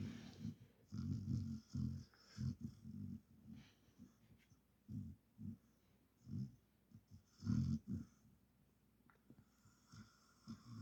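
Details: Sleeping dog snoring while dreaming: irregular low rumbling snorts and breathy snores with brief quiet gaps between bursts; ordinary sleep snoring.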